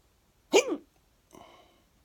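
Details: A single sharp, voiced hiccup with a faint after-sound, from an ongoing bout that the person thinks came from eating too fast.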